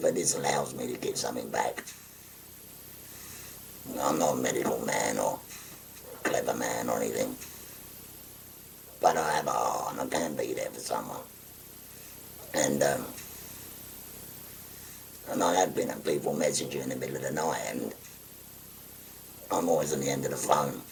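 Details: Tracheoesophageal speech in a 57-year-old man after total laryngectomy for stage four laryngeal cancer, using a voice prosthesis with button occlusion of the neck stoma.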